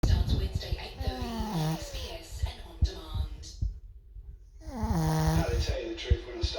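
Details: A sleeping, dreaming dog snores with low rattling breaths and gives two drawn-out whining cries.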